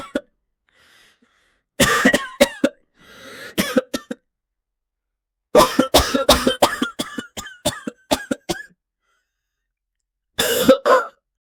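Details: Sound-effect recording of acted adult coughing: about twenty sharp coughs in four bouts, with some throat clearing between them.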